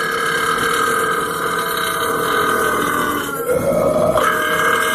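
One long, loud, drawn-out belch lasting several seconds with a shift in pitch near the end.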